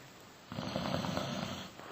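A single rattling, low vibrating breath lasting over a second against steady background hiss; a snore.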